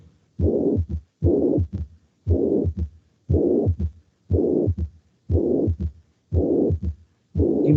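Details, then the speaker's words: Holosystolic murmur of mitral regurgitation: a regular heartbeat near 59 a minute with a blowing murmur filling all of systole, from the first to the second heart sound. "los soplos de insuficiencia mitral ocurren primer ruidos el cardiaco segundos río cardíaco durante la sístole ocurren durante toda la sístole"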